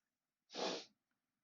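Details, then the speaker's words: A man sneezes once during a video's closing talk. "that was chris very rudely sneezing while i'm closing a video"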